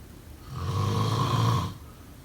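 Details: A single low, rumbling snore lasting just over a second, rising and fading with the breath; snoring.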